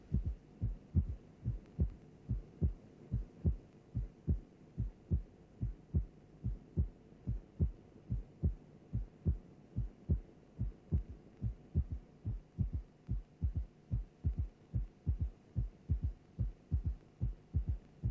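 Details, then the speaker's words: Simulated regular heartbeat about 72 per minute with a soft third heart sound (S3), slowly faded out and then reintroduced for teaching. "let us now listen to an example of a third heart sound sound now we will slowly remove the third heart sound and then reintroduce it"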